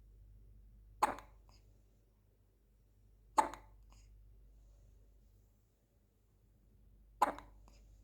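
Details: Baby hiccups: three short, sharp, abrupt catches spaced unevenly over eight seconds in a quiet room.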